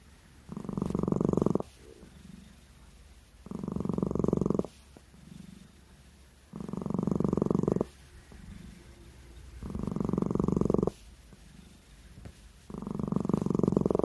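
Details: Sleeping cat snoring: soft, regular snores on each breath in, about every three seconds, roughly 20 breaths a minute; harmless.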